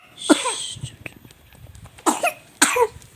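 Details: Three short, high-pitched coughs with quiet breaths and murmuring between them from a 5-month-old infant with a cough.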